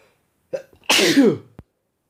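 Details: A male gives a short catch of breath, then one sharp, explosive burst of air; a single sneeze.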